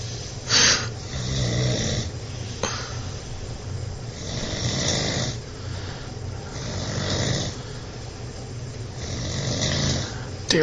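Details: An adult man sleeping at 5:50 in the morning snores loudly and roughly in a steady rhythm; the listener wishes someone would turn him over.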